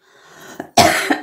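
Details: Adult with cough and cold: a faint throat sound followed by one sharp, loud cough burst.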